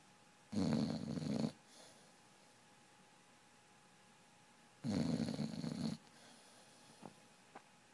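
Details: Two rough, buzzing snores about four seconds apart in a quiet room, each lasting about a second, from a sleeping dog; snoring.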